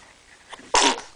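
Quiet room, a small inhaled catch, then one short sharp sneeze burst from an infant.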